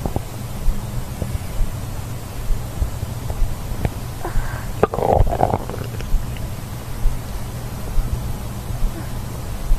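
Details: Low rumbling and gurgling from the belly with a brief louder gurgle midway; stomach growling (borborygmi).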